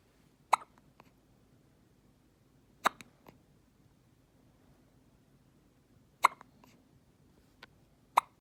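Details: Sharp, abrupt little clicks recurring every few seconds, about four main ones; hiccups.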